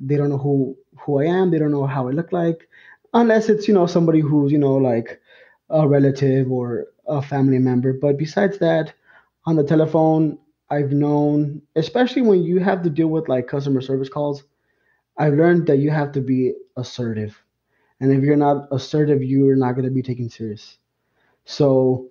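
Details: Adult man, lifelong stutterer, whose stutter first became noticeable around third grade; stuttering.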